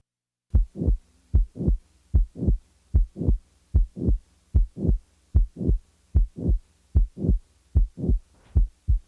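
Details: Late systolic murmur from a heart sounds teaching collection: regular heartbeat at about 75 a minute with a rough murmur filling the later part of each systole.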